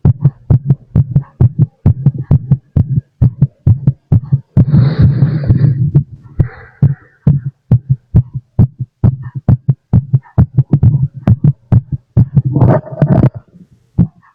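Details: Own heartbeat through a stethoscope after drinking lots of coffee, felt thumping hard: fast, strong low heart thumps about 130 a minute; rapid forceful heartbeat after caffeine.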